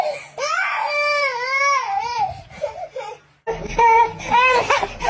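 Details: Baby cries in two loud, wavering wailing bursts separated by a brief gasping pause; infant crying.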